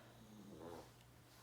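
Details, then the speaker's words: A pug dog snoring, said to snore a lot, heard in the background of a home recording; snoring. "can you hear that snoring sound that's my dog Lucy she's a pug and she snores a lot"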